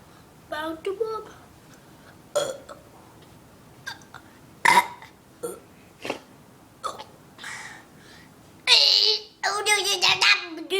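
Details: Person burping after drinking apple cider: a series of short throaty bursts ending in a longer loud burp, with a few voices in a small room.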